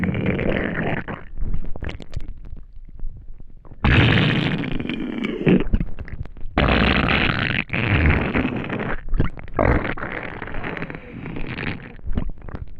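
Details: Person who had not eaten for a day: long gurgling, rumbling gut noises with bubbly pops from an empty stomach, normal hunger bowel sounds (borborygmi).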